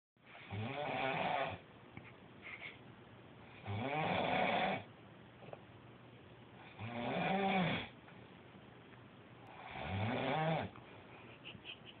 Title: Snoring like Frankenstein